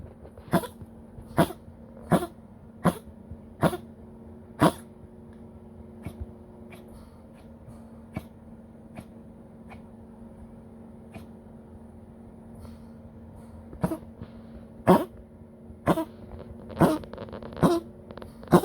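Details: Poodle coughing after breathing oxygen, following its sixth rescue: two harsh bouts of about a dozen sharp coughs over a steady background hum.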